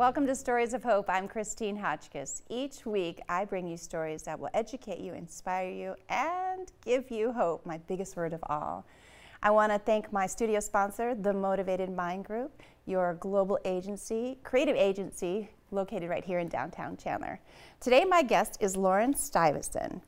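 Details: Adult woman speaking; normal speech.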